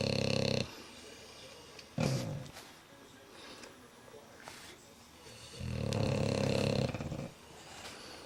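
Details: Sleeping bulldogs snoring loudly with buzzing snores and a short snort between them, a few seconds apart, while another dog checks them out; snoring.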